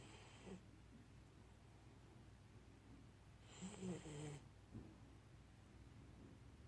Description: Akita inu puppy Hachi snoring